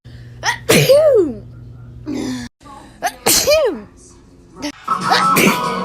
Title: National Sneeze Day!!!